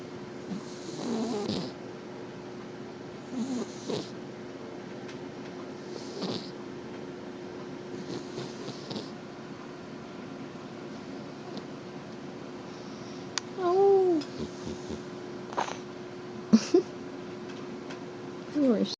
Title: Snoring Penny Pumpkins